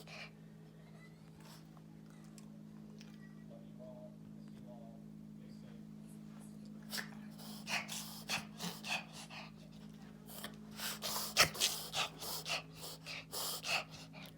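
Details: Dog (Molli) reverse sneezing: rapid, repeated snorting inhalations over a steady room hum; a typical reverse sneezing episode.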